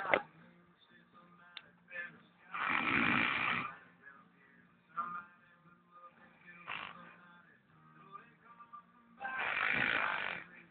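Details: Real snoring from an elderly man: loud, harsh, rasping inhalations every several seconds with quiet breaths between, faint room sound in the background.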